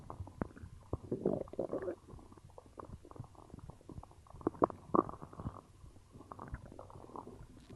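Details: Low gurgling and bubbling rumbles in irregular bursts after drinking cola; ordinary stomach growling from gas and fluid moving through the gut (borborygmi).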